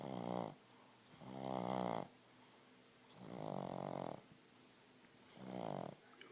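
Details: Dog named Olive snoring: rapid, rattling snores on each breath, about one every 1.5 seconds, with softer breathing between.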